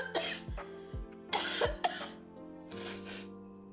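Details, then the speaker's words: Adult on a live stream who says they are still coughing gives a few short, harsh coughs in quick bursts over steady background music. "sorry I'm still coughing okay so you will hear the occasional conflict leaks out"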